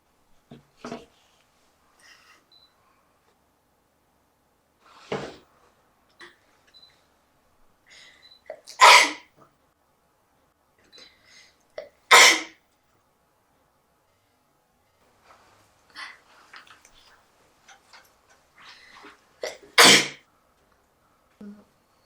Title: sneezing (sample)